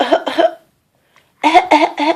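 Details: A child deliberately fakes a cough, making five short, strongly voiced cough-like bursts, two then three.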